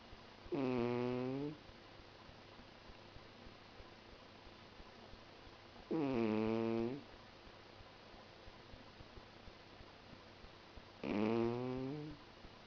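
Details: Pet snoring while sleeping: three tonal, slightly whining snores, each about a second long, roughly every five seconds (about 11 a minute), with quiet between them.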